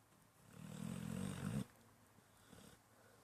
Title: CJ Pitbull snoring.